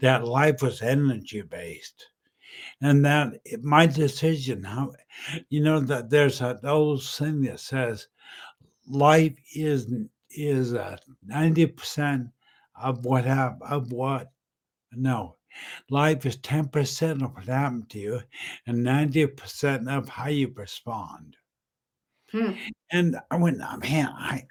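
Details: Adult man about 10 years after a stroke, totally unintelligible at first, with apraxia identified and speech still impaired; apraxia of speech after stroke.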